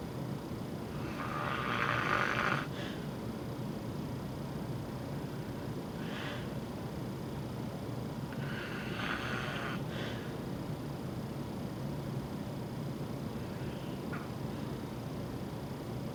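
Loud, rough, irregular snores separated by quiet pauses, a snoring pattern typical of obstructive sleep apnea.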